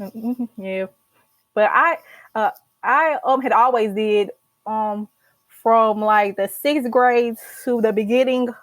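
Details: Speech of an adult podcast host who has stuttered for about 50 years, reports blocks when speaking with groups and has learned tools in speech therapy; stuttering.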